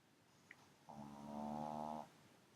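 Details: Pug asleep on a sofa: one drawn-out, buzzing snore, fluttering and nasal, with quiet room noise; snoring.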